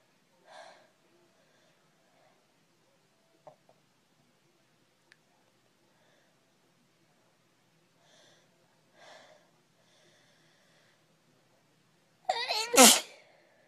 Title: sneeze girl